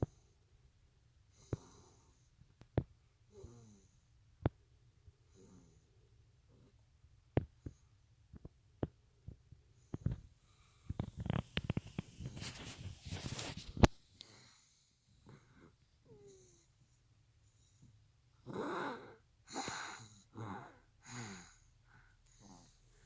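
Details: A sleeping cat snores with soft, regular, noisy breaths, with clicks and rustling partway through.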